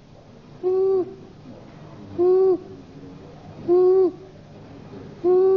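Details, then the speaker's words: Child with harsh, rough noise on breathing in, heard with the ear close to the child's mouth; stridor in a calm child is described as a danger sign. Inspiratory stridor. "anak ini mempunyai bunyi yang kasar ketika menarik naas anak ini mempunyai stdor"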